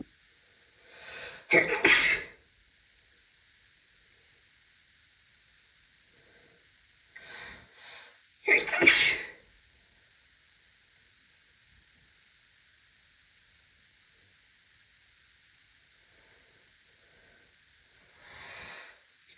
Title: after shower sneezes (F)